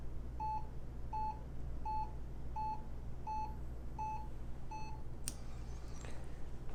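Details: Steady single-tone beeps, about 85 a minute, one per detected heartbeat, over low room hum. Cardiac monitor beeping from an HP 43200MC military-surplus ECG monitor-recorder, hooked up and switched between leads I and II.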